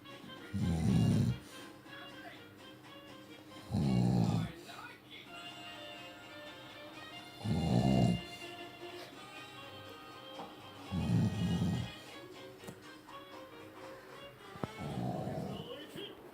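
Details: Father snoring during sleep, caught on camera though he denies snoring: deep rumbling snores about every 3.5 seconds, roughly 17 a minute, over background television music.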